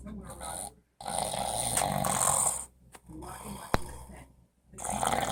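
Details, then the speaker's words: Heavy snoring during sleep from an adult man who denies snoring, louder than the TV: loud, rough snoring in long rattling bursts with short quiet gaps between breaths. "this is why he expect me to sleep next to at night really look at me no sleep got that going on and the meanwhile look at this this is louder than the TV"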